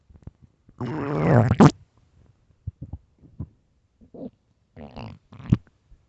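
A long, loud gurgling rumble is followed by short bubbly pops and gurgles, the stomach growling of hunger, a normal bowel sound.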